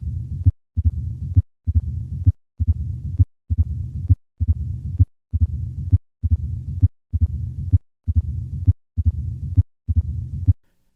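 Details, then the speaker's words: Patient with mitral stenosis, heard with the stethoscope bell held lightly on the chest wall: three normal beats at about 67 a minute, then an added opening snap and a low-pitched rumbling diastolic murmur filling much of each cycle. "the murmur of mitral stenosis is low pitched and requires the bell of the stethoscope to be held lightly on the chest wall"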